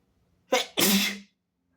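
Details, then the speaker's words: Sneeze from a sick person with a sensitive nose, deliberately induced, spraying mucus onto body and phone, with coughing nearby: a short intake, then one forceful, hissing sneeze. "I'm spraying all over my leg, my arm, myself. Oh shit. I also sneezed all over my cell phone."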